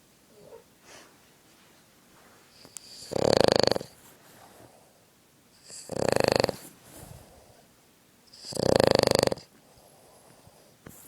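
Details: Boston terrier asleep on a couch snoring: three loud, raspy snores about every 2.7 seconds, near 22 a minute, with quieter breaths between.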